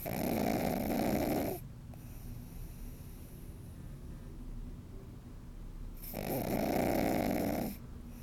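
Two loud, rattling snores, each about a second and a half long, separated by a quiet stretch of soft breathing.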